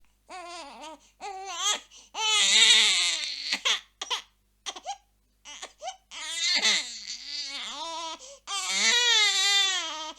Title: Baby Sounds | Crying Baby | Sound Effect